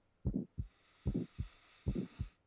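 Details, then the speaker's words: Normal carotid auscultation: a stethoscope over the neck of a patient sitting forward, after a deep breath in and out with the breath held, during a cardiovascular examination. "normally just going to have a listen at your neck here take a deep breath in"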